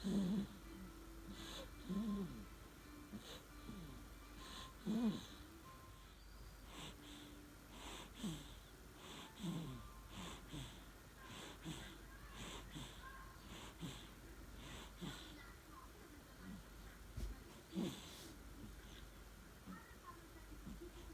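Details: A sleeping one-month-old newborn baby boy snoring, with soft, irregular snorting and snuffly breathing noises and faint background tones.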